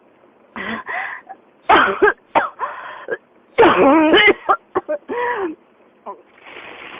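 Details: Adult with pneumonia and a persistent cough: repeated harsh, throaty cough bursts and throat clearing coming in close succession.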